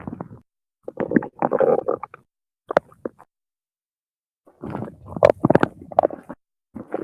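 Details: 17-year-old male, hungry: bursts of gurgling, bubbling rumbles with short pops separated by silent pauses. Loud stomach growling (borborygmi).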